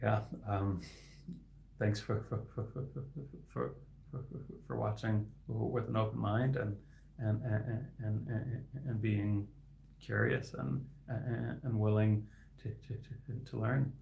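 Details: Stuttering in an adult man who stutters and is a licensed speech-language pathologist, with inconsistent sound and word repetitions and blocks.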